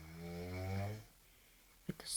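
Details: Sleeping girl recorded at night, said to be genuine, not staged; one deep, low, buzzing breath of about a second, then quiet and a brief noise: snoring.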